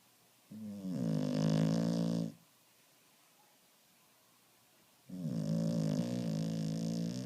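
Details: Finnish Lapphund dog snoring: two long, loud, rattling snores, each nearly two seconds long, separated by quiet pauses.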